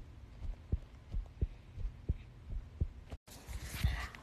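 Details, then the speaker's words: Faint, regular low thumps in pairs, about 85 a minute, over a soft hum; an ordinary heartbeat picked up by pressing a phone against the chest. "come here let's listen to my heartbeat"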